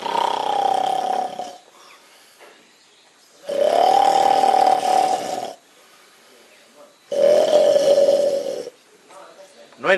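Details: Snoring, recorded 1 April 2012 on an outing to Corcovado; long, loud, rough rattling breaths about every three and a half seconds with quieter breaths between them.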